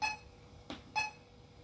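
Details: Vapotherm Precision Flow high-flow nasal cannula machine: two short electronic control beeps with a soft click between, heard while the flow is adjusted down to its lowest high-flow value of 5 L/min and acknowledged.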